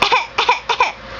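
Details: A young child, prompted by her mother, makes three short, voiced, deliberate cough sounds, each a quick double burst; a fake cough she reportedly does all day.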